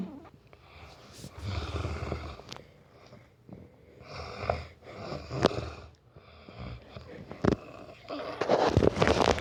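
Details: Man (boyfriend) snoring during sleep: irregular rattling snores with snorts and gurgling breaths, uneven in loudness; loud snoring.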